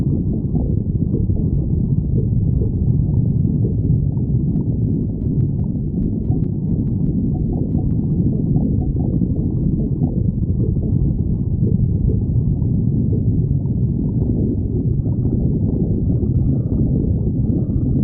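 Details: Badger's stomach growling: continuous low, deep rumbling and gurgling from the belly.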